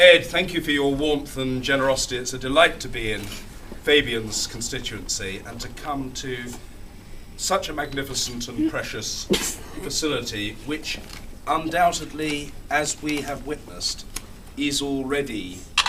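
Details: Adult male speaker; no disorder.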